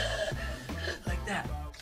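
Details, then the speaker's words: Child who woke this morning hoarse after being fine yesterday, with a probable viral infection causing airway swelling; significant inspiratory stridor, noise when breathing in, diagnosed as croup, which worsens at night; steroid planned. "CROUP always gets worse at night. So in this situation where you've got a significant stridor, that noise that you have, we're gonna do a little bit of a steroid."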